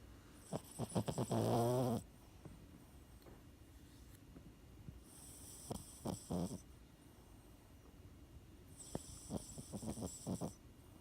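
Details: Rattling snores with snorting snuffles about every four seconds in a quiet room, from a Boston Terrier puppy that also grinds its teeth; snoring.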